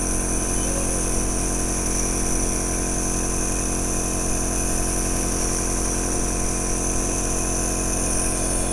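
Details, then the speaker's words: Compressor nebulizer just switched on to turn medicine into mist for inhalation, for asthma, allergies and other respiratory disorders: a steady, loud motor hum with fast pulsing. Compressor nebulizer running. "मैंने इस machine को on किया और यहां से miss निकला start हो जाएगा अभी मैंने और नहीं किया है अब आप देखिएगा एक आवाज आ रही है और आपको यहां से आयोग की मिर्च नजर आ रहा होगा"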